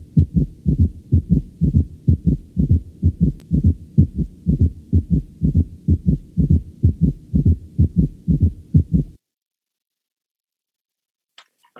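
Fast, regular low-pitched heart sounds come in a galloping rhythm, then stop into silence. This is a summation gallop: with a fast heart rate diastole shortens, and the third and fourth heart sounds merge into one extra sound in mid-diastole.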